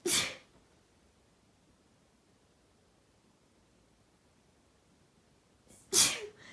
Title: Short sneeze compilation